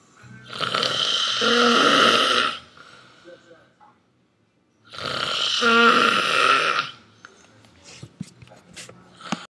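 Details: Adult man (the father) snoring while asleep: two long, loud, harsh snores about four seconds apart, each followed by quiet breathing and small noises.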